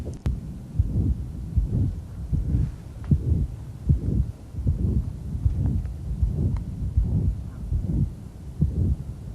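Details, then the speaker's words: Loud, harsh systolic murmur at about 77 beats a minute from severe pulmonary valve stenosis, with a pulmonary ejection sound heard on expiration that disappears on inspiration, as the patient breathes. "if you listen to the way the murmur begins and watch his ventilation when he's exhaled the murmurs gonna start with almost pow pow when he inhales the murmur just kind of groans into existence starts with a pal the PAL goes away so you really notice it by its absence"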